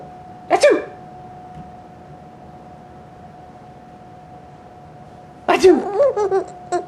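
Two sharp sneeze bursts in a quiet room, the second followed by a baby's laughter; ordinary sneezing.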